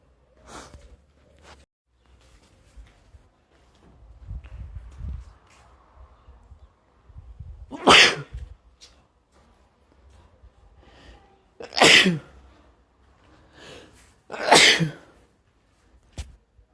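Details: Male with a cold, mix of random and induced sneezes growing progressively louder and stronger: three loud, sharp sneezes, each with a quick intake of breath before it, plus softer breaths and noises between; sneezing.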